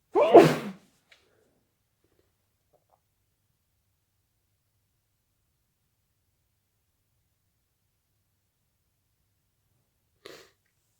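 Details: Late-night sneeze attack that came on suddenly, with the person trying to muffle the sneezes: one sharp, explosive sneeze, a long silence, then a faint short sound near the end.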